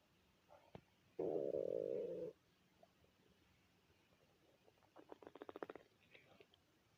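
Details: Hungry stomach of a person who had not eaten all day since dinner the night before: a sustained low gurgling growl, then a run of quick bubbling pops; ordinary hunger rumbling.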